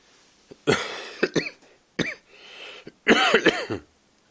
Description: this is my second coughing vid